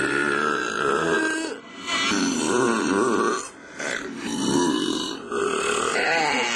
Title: Burping Contest